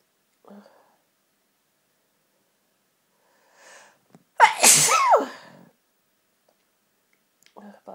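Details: Sneeze at Christmas from a sneezy nose: a sharp explosive voiced sneeze, preceded and followed by faint breaths; a single ordinary sneeze.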